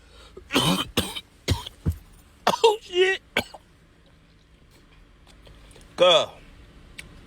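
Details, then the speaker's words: An adult trying to hold in a cough that hurts gives a run of short, forceful coughs mixed with strained vocal sounds, then a final groan-like cry, with wheezing mentioned. "That [ __ ] be a dog fight trying to hold your [ __ ] cough, bro. Oh, but I can't."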